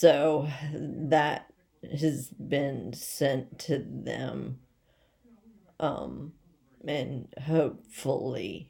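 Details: Adult woman with essential tremor, badly out of control and rapidly progressive, affecting mainly her head and voice, with word-finding difficulty and leg and hand weakness; awaiting movement disorder specialist visits; voice tremor.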